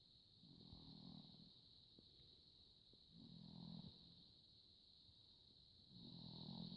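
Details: Soft, low, rumbling snores at a slow steady rhythm, about three in seven seconds, over a steady high-pitched background hum; snoring, recorded 7 October 2015.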